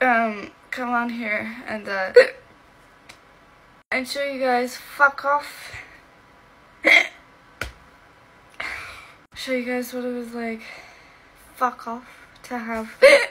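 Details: Female speaker with Tourette syndrome producing involuntary vocal tics (expletives) during speech.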